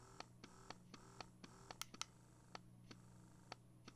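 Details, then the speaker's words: Slow, evenly spaced mechanical clicks with a steady motor hum: an electric breast pump switched from fast let-down mode to expression mode, the slower suction cycle used once milk flows. "that's expression so let down mode is fast when you think of a baby nursing for those moms who do nurse when the baby first latches on it's a quick suction mode quick quick quick quick quick and then once the milk starts flowing then it's a slow"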